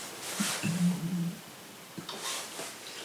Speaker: You good? Wow, I was not expecting my stomach to make that noise.